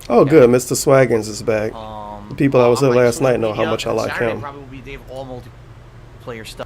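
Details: Adult male speaker; no voice disorder.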